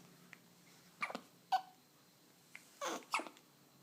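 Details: Hiccups: several short, abrupt gasping bursts at irregular intervals in a quiet room.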